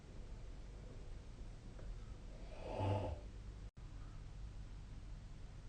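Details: Single low, rattling snore during sleep, rising from quiet room noise then fading, recorded with the SnoreLab app; snoring.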